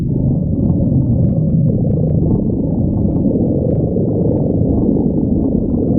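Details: Steady deep rumbling with low groaning, gurgling swells throughout: stomach growling (borborygmi).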